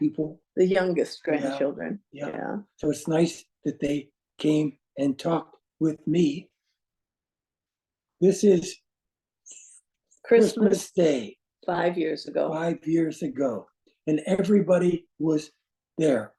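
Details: Adult man with aphasia resulting from a stroke; non-fluent speech with difficulty choosing words instantly and finding how to say what he wants.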